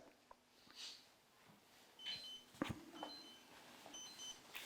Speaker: that's my sugar alarm. It's all good. Don't worry.